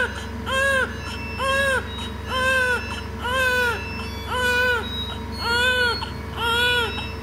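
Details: Newborn baby crying on admission to a neonatal care unit for treatment: rhythmic, regular cries about one a second, each a short rising-falling wail, over steady low background hum.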